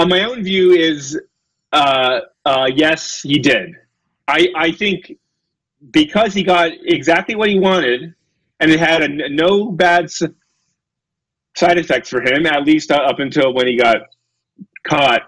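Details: Real adult male lecturer who says he has a speech impediment, stutters and gets stuck on his words, giving a talk; stuttering.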